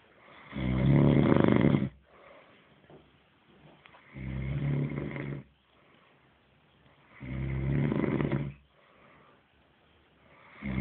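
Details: A sleeping dog gives loud, low, rattling snores with each breath in a steady rhythm of about 18 per minute, with quiet exhalations between them: snoring.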